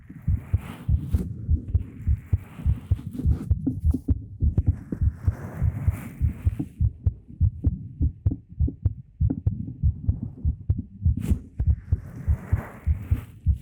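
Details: Steady low thumping beats at about 100 a minute with soft breathy noise over it; heartbeat in an ASMR talking recording made with a 3Dio binaural microphone.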